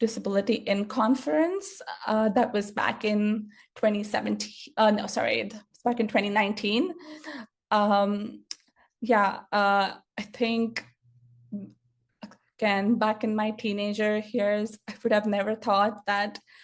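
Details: Stuttering in an adult woman who grew up with a stutter, which she says speech therapy did not improve; real speaker, not acted; finding: stuttering.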